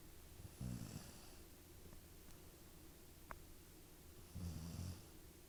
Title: Snoring